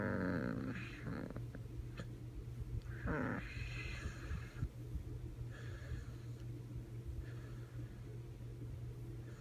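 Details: Sleeping puppy making low, rough, croaking snores likened to frog sounds, steady breathing rhythm under faint room noise, sleeping in an odd position; ordinary snoring.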